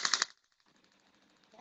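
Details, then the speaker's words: Radial shockwave therapy with the DC Master Touch, 15 mm applicator, at its lowest setting 1.5 bar, aimed at the posterior shoulder capsule, 1,000 impulses; quick burst of sharp tapping clicks, then near silence. "I need to put another couple of thousand on here. There you go. So again thousand impulses."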